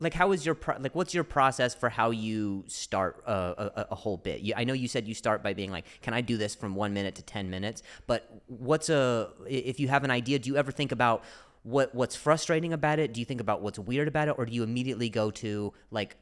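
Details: Adult man who stutters; stuttering.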